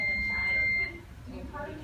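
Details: Short, high electronic beep as an IV infusion pump powers on before a normal saline infusion set at 100 ml per hour, in a simulated nursing skills check-off; normal start-up tone.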